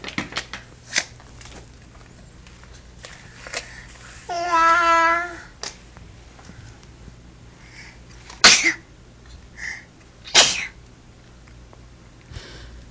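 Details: An infant twin sneezing: a brief high-pitched baby vocalization followed by two short, sharp sneezes in a quiet room.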